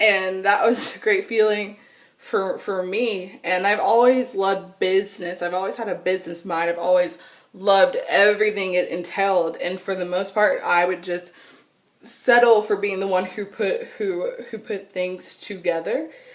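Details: Adult woman who has stuttered, severely, since she began talking in childhood and still stutters; stuttering.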